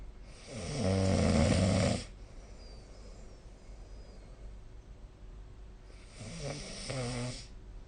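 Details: Sleeping adult snoring, recorded with a snore-tracking app: two loud, rattling inspiratory snores separated by a quiet pause.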